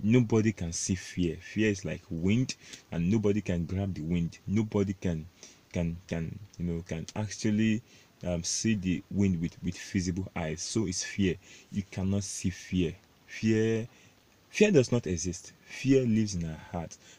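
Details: Adult male self-described stammerer, proud of it, with word repetitions in this stretch; stuttering.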